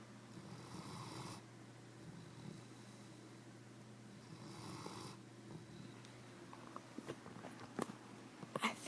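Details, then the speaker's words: Sleeping dog's snoring: two loud, rasping snoring breaths about four seconds apart over a steady low hum, then small clicks and rustling. "it was louder before. It woke me up. That's brutal."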